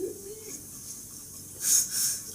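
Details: Man with Tourette syndrome producing vocal tics, including sniffing.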